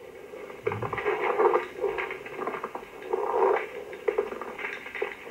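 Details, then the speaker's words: Pleural friction rub: coarse, creaking, grating bursts heard in both inspiration and expiration, from inflamed pleura with fibrin deposits or adhesions. "next is pleural friction wrap hurts through inspiration and expiration and is differentiated by intensity location and duration"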